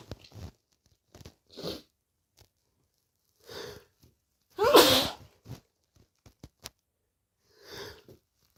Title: more late night sneezes 🤧